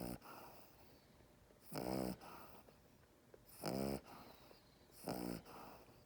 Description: Chaney likes to make a lot of noises. This is his snore when you are holding him in your arms.